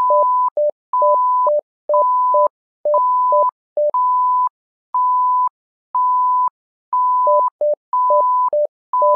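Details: Simulated patient monitor (SimMon simulator): repeating electronic tones, a steady higher beep alternating with lower short beeps, about one cycle a second.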